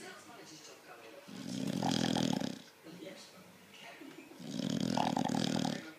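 Loud, rattling snores on each breath, two long snores in six seconds with quieter breathing between; a bulldog snoring.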